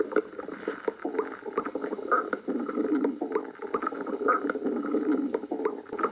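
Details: Continuous low, bubbling gurgles with irregular squeaky rumbles; stomach growling (borborygmi).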